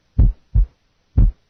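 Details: Normal single second heart sound heard at the left lateral sternal border.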